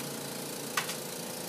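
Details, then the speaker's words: Suction machine running near the end of a tracheostomy suctioning demonstration, just before it is switched off. "now you can turn your suction off before it falls off the table"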